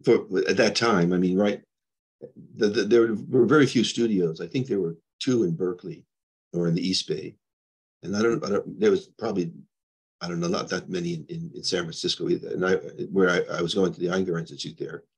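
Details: Adult man with progressing Parkinson's disease who reports mild stuttering, losing his words and impaired balance; disfluent speech with word-finding difficulty in Parkinson's disease.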